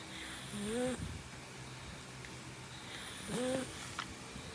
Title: Pugsy sitting while sleeping and snoring #pug #puglife #pugofinstagram #pugislife #pugs #pugsdaily